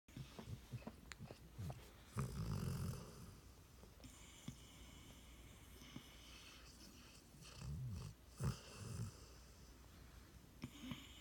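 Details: Sleeping dogs give low, rattling snores on several breaths with snuffles between, in a quiet room; snoring.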